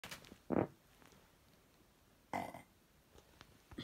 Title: Fart and burp